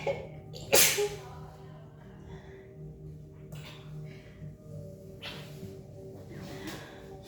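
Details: One loud sneeze then softer sneezy bursts over background music, a couple sneezing from allergy to flowers; allergic sneezing.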